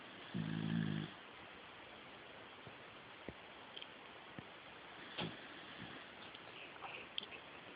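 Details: Dog snoring, as he does every time he falls asleep: one low, rattling snore, then quiet room hiss with faint clicks.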